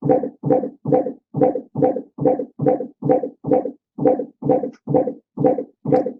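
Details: Fetal heart on intermittent auscultation in labour, first baby, heard just after a contraction ends; rapid, regular whooshing Doppler beats of about 135–140 a minute, above the prior baseline, an acceleration.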